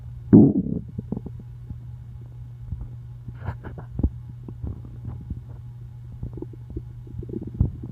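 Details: Hungry person's stomach: a loud gurgling growl at the start, then softer scattered rumbles and bubbling over a steady low hum; hunger-related bowel sounds (borborygmi).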